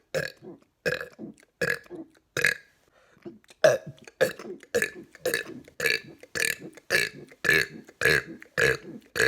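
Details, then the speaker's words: About sixteen short, rapid belches in a row with brief pauses, each a rough voiced burst from the throat, not mega burps; repeated burping. "we're gonna be doing 200 verbs they're not gonna be mega burps but they're still"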